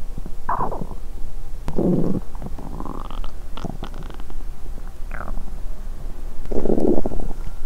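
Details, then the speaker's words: At the end of day one of a fast: several soft gurgling, bubbling rumbles from the belly; bowel sounds (borborygmi). ""A la fin du premier jour, j'enregistrerai mes bruits de ventre". "Quand j'ai léché la cassonade tout à l'heure, mon estomac a gémit bruyamment.""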